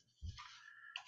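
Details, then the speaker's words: Pet dog lying asleep right next to the speaker, snoring: a brief low snort followed by a soft airy breath. "can you hear my dog snoring she's laying right next to me and"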